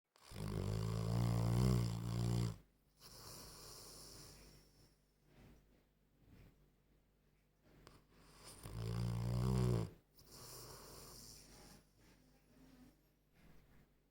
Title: funny old stafford terrier snoring like a human